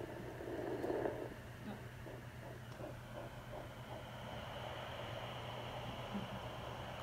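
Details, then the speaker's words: Fetal heartbeat at 13 weeks of pregnancy, suspected twins, found with a home handheld Doppler: rapid soft whooshing pulses through static, heard for a couple of seconds before being lost. "still here sorry my kids are lovely you get a little couple seconds of it oh gone again sorry there's one i'm sure the other one's close by"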